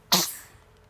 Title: sneezes